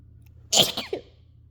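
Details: Single loud, sharp sneeze with a brief trailing exhale, among small quiet sneezes from trying to exhale before sneezing to induce rapid-fire sneezes.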